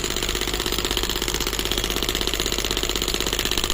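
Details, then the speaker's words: Biotronix pneumatic shockwave therapy device started from the handle button, pressure up to 10 bar: steady rapid mechanical tapping about three pulses a second with hissing machine noise. "Then you can press the start button, and once you press the start button in the handle, the pneumatic effect will come. Machine will start."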